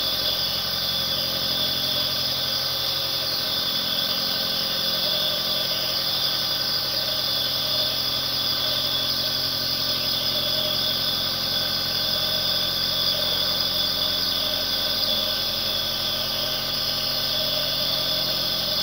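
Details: Nebulizer (aerosol) compressor running continuously, one-hour recording for relaxation and sleep.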